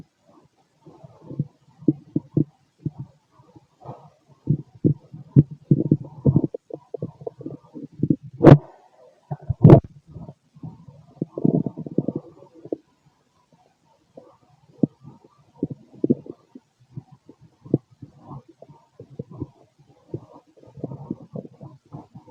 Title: Male stomach noise (6 hrs after eating) #digestiveprocess #stomach #stomachnoises #stomachsounds